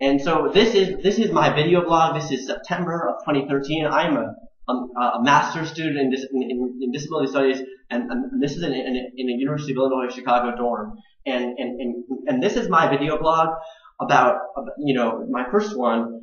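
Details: Adult man with stuttering, more repetitions and pauses when passionate or anxious, blocks between words; father also stuttered; on the autism spectrum: stuttering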